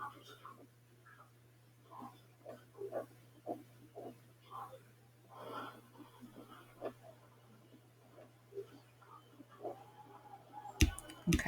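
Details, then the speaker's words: Newborn girl's lungs auscultated with the diaphragm of a large stethoscope, no respiratory distress: soft, quick breath sounds with a low hum and handling noise. Normal newborn breath sounds. "And as I expected, her breathing was perfectly fine. Okay, honey. And if you replay that video, and I will for a second, you'll actually hear the breath sounds."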